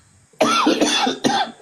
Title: coughing up a lung 😶‍🌫️😭 #live #tiktok #funny #fyp #dkane